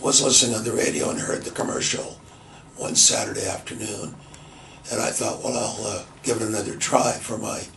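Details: Adult man with laryngitis after bronchitis about two and a half years earlier, left vocal cord paralyzed per diagnosis; voice almost non-existent with low volume, recorded before his 11th treatment session; dysphonia from unilateral vocal fold paralysis.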